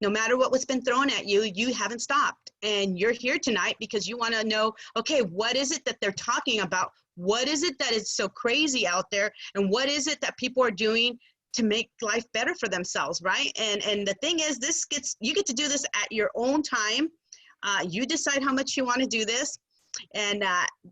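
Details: Adult woman speaking; Typical speech.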